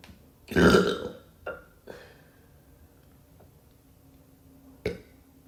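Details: Gurgly burps: one long, loud gurgling burp followed by several shorter ones in a quiet room.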